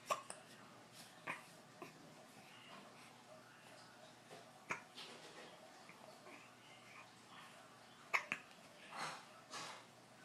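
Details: Cute little hiccups: about six brief, sharp little hics at irregular intervals over ten seconds in a quiet room.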